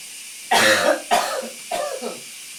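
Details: Adult male coughing in a steamy shower: three wet, loose coughs with some rattle as mucus moves, over steady running water; a productive cough.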